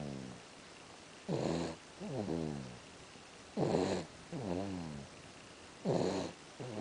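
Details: Regular rattling snores on each breath with a buzzing, whistly exhale, about 26 breaths a minute; steady snoring during sleep.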